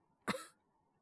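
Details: Simulated cough, all acted: a male Japanese voice performer (VTuber) plays a wolf beast-man with a cold at a beast-person vet clinic, giving a single short, dry cough burst.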